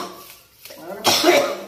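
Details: Cough from a person reporting a persistent cough, frequent nausea, a hard stomach and breathing trouble, recorded during a hands-on treatment session: a soft throaty sound, then one loud, harsh cough burst.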